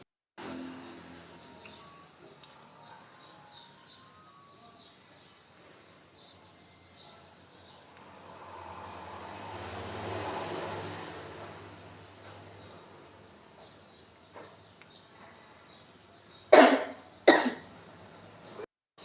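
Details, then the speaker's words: Effective cough technique demonstration: three slow breaths in through the nose and out through the mouth, then two strong, sharp coughs in quick succession, the first moving phlegm toward larger airways and the second toward the mouth. "merupakan contoh dari batuk efektif Mengapa kita batuk dua kali batuk yang pertama bertujuan untuk mengeluarkan dahak atau mendorong dahak dari saluran pernapasan yang kecil menuju saluran pernapasan yang besar"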